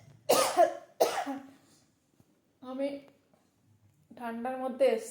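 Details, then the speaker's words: Two sharp coughs in quick succession, then brief voiced sounds, from an unwell adult woman who caught a cold in cold weather and has been coughing often; cough with a cold. "तो मुझे ठंड ग गई थी तो खासी भी हो रही थी और बहुत बार खासी हुआ"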